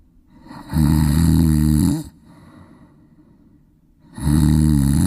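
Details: Loud, deep, buzzing snores on each breath in, with softer breaths out between, about every 3 to 4 seconds: snoring in a sleeping Golden Retriever.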